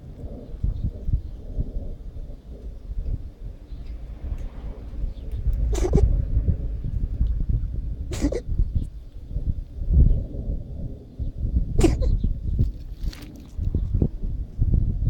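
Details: Cat sneezing repeatedly during season changes: about four short, sharp sneezes over steady low rumbling noise.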